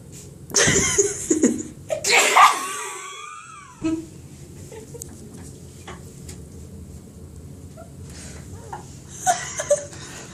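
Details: Sneezing with eyes open: two forceful sneezes in quick succession, followed by a quieter burst at the end.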